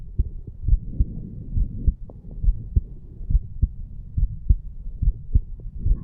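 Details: 34-year-old male, heart recorded at the mitral valve area after the farmer's walk exercise: a strong, low thumping heartbeat at about 70 a minute with some hum, normal heart sounds.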